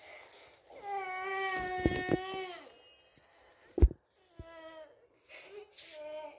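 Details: Young girl crying for her mother in loud, sustained wails with catches and sobbing breaths, then quieter whimpers; ordinary distressed crying.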